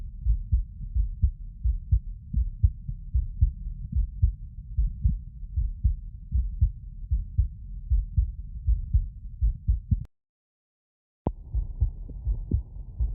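Steady low thumping heartbeats through a stethoscope, about 77 beats a minute, with a brief silent gap and some rustling near the end. These are normal heart sounds: a regular rhythm with no added noises between beats.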